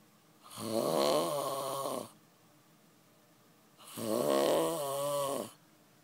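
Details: Adult man snoring in sleep after about 36 hours without sleep: two loud, rattling snores with quiet pauses between, slow sleep-breathing rhythm.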